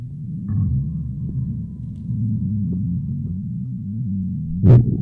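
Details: Borborygmi (bowel sounds).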